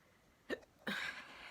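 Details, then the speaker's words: Single hiccup from an adult who has the hiccups: a sharp, abrupt voiced catch followed by a brief noisy gasp of air. "that was a hiccup I have the hiccups and I want to share the cure"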